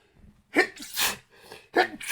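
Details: Acted sneezes in quick succession, each a sharp gasp and then an explosive burst, performed while reading a story aloud in the sneezing-while-reading trope.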